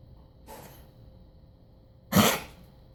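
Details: A dog's coughing recorded 26 Sept 2016: two sudden explosive bursts, faint then much louder, in a quiet room. The cough lasted an hour that morning and recurred while upright from about 4 p.m. until bedtime.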